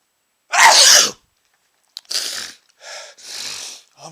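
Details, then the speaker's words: A loud explosive sneeze, then a quick inhale and several softer sneezes or snorts, after sniffing chhinkni sneezing powder; eyes watering, nose running and tickling; repeated irritant-induced sneezing. "ah that was another gigantic sneeze I still feel it tickling my nose making my eyes water my nose run and I'm going to sneeze"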